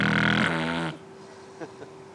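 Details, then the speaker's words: Person who snores, throat viewed by fiberoptic scope; snoring described as the first sign of obstructive sleep apnea: one loud, rough, fluttering snore, then quiet room noise with a faint steady hum. "This is the throat of someone who snores. Snoring is the first sign of obstructive sleep apnea."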